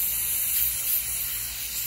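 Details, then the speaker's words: Dental air-water syringe giving a steady high-pitched hiss of spray and air as the assistant rinses and dries the tooth being prepped during an amalgam/composite procedure, with the high-volume suction held just behind the tooth. "whenever doctor comes out, you're going to rinse and dry the area."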